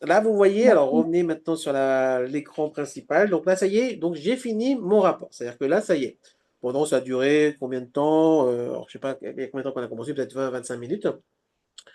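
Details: Adult man speaking French; Normal speech.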